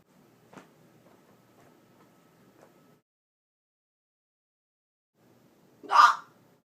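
Near-silence with a faint brief catch, then one short sharp burst; an isolated hiccup in a quiet room.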